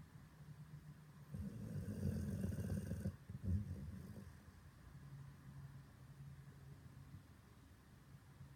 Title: Poochie snoring.